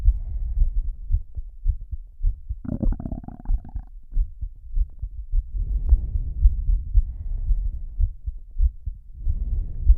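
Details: Slow heartbeat of a female, with heavy breathing audible over it.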